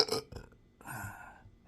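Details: Burping alongside intractable hiccups present since December 2015 after surgery with nerve damage (injected pudendal nerve, phrenic and vagus involvement): a short throaty sound, then a longer low rumbling belch; repeated eructation.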